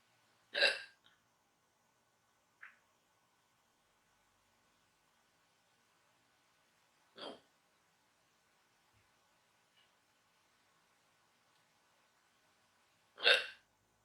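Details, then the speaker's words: Woman with hiccups brought on by induced burping and gas: sharp, abrupt hiccups at irregular intervals, about four in fourteen seconds, with quiet between. "Oh, fuck. Oh, it's giving me the hiccups too now."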